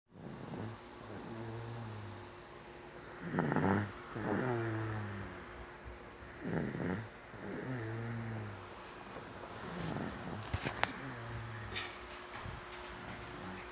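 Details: Snoring during sleep: repeated deep, rumbling snores, about five in the stretch, with faint room noise.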